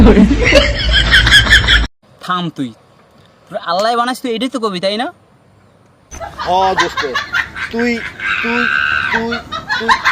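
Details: Acted stuttering in a Bengali comedy skit; the character repeats syllables and is mocked as a stutterer who should see a doctor; stuttering (acted).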